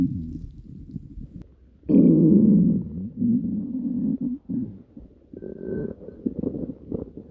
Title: Stomach Growling